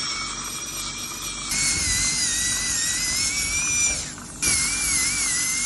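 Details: Continuous high-pitched whine of a high-speed dental drill, wavering in pitch as it cuts, with a brief pause; crown preparation on a real male patient for porcelain-fused-to-metal bridges replacing extracted upper right second premolar and lower right first molar.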